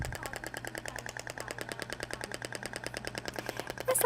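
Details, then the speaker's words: Shockwave therapy device (Thork) applied statically to the back at frequency 10, about 2,000 shots with gel: rapid sharp mechanical clicks, about ten a second, over a low hum. "nessa área há ainda a frequência de 10 no consumo menor então barulho é um pouco distinto do outro tá"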